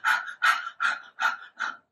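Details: Five quick, even puffs of breath through the nose, about 150 a minute: deliberate dog-like panting, a diaphragm breathing exercise for stage fright.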